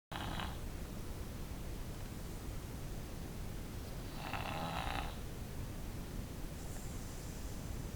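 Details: Daughter who has snored since birth, asleep: low rumbling snore sounds under steady background hiss, with a couple of louder breathy snorts; snoring.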